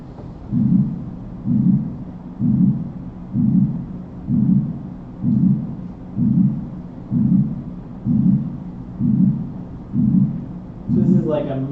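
Regular heartbeat about 64 a minute with a blowing murmur filling systole, typical of mitral regurgitation.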